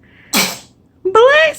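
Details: A single sharp, explosive sneeze followed by a short whining vocal sound; sneeze.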